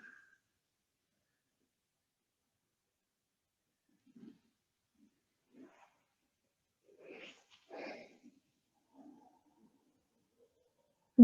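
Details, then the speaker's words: Bowel sounds from an adult's belly during a yoga session for detox and digestion, in the happy baby pose: a few soft, irregular bubbling gurgles in a quiet room. "Don't know if you can hear my belly gurgling. The digestion thing's working out for me anyway."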